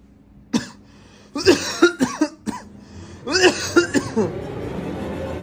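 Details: Cough or throat-clearing from a son beside his mother; he denies being ill and says he is clearing his throat, while she suspects he is getting sick.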